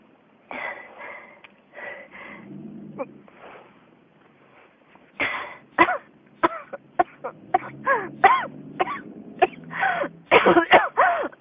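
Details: Noisy, effortful breathing gives way to a rapid run of about fifteen harsh coughs in close succession: persistent, unstoppable cough.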